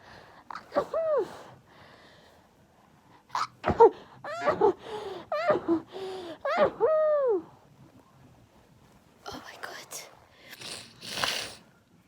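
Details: Several sneezes in quick succession from a girl, each with a sharp indrawn breath and voiced burst, then quieter breathy exhalations; a sneezing fit.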